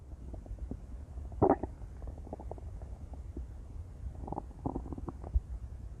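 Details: Female's intense stomach growling: loud, continuous low gurgling and rumbling with bubbly pops; active normal bowel sounds.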